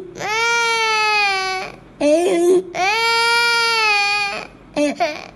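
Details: Infant with inspiratory stridor: a harsh, crowing noise on each in-breath between a clear, normal-pitched cry.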